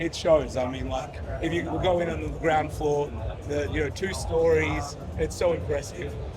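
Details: Adult man speaking; normal voice.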